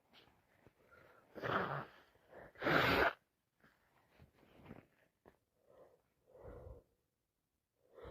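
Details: Two strong sneezes, then quieter sniffs and softer breathy bursts, during a cold; non-stop sneezing.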